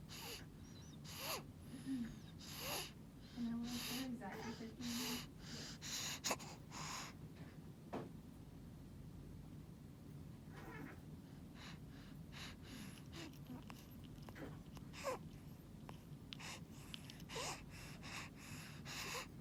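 Noisy, harsh breaths in a child, some with a rough tonal edge, fitting stridor.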